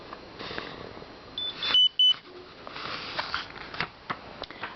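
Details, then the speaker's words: Omnipod insulin pump deactivation beep: two short high beeps over room noise as the Pod is deactivated after confirming Pod replacement. "appuyez sur confirme pour lancer le remplacement du pod ceci désactive le pod en cause"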